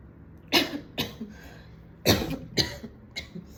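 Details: An adult woman coughs in short bursts, about five harsh coughs in two groups, with throat clearing and snorting, at home after smoking a cigarette at a party; cough after cigarette smoking.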